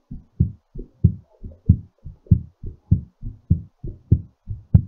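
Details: Strong, regular paired heart sounds at about 100 beats per minute, still raised during recovery after exercise; normal heartbeat.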